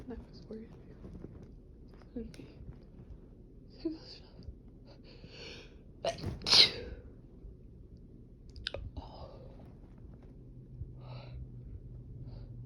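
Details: Productive, violent sneezing fit: quiet sniffs and breaths build to a loud, forceful sneeze, followed by softer breathing.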